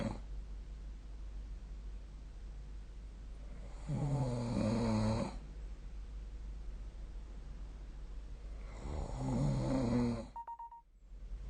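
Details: Snoring recorded with the SnoreLab phone app: two rough, low, rattling snores on inhalation, separated by quiet breathing, over a constant background hum.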